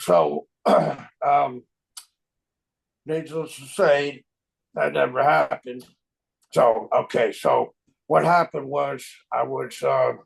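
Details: Aphasia resulting from stroke in a man, a stroke survivor of 25 years, living with chronic post-stroke aphasia.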